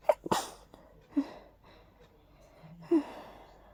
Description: Just a little hayfever sneezing fit. Not too intense, but very tickly